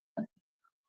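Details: Simple vocal tic in a woman with Tourette syndrome who blurts out uncontrollable sounds, not only words, and also has coprolalia.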